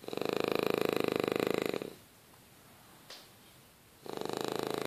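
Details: Fast, buzzing, purr-like rattle on each breath with a quiet pause between, from a sleeping French Bulldog, a flat-faced breed; snoring.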